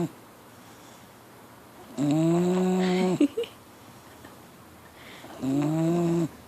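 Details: Four-month-old female pitbull puppy snoring like a grown man while asleep; loud, drawn-out buzzing snores with a throaty hum, separated by quiet pauses.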